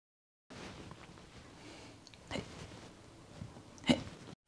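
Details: Hiccup (acted).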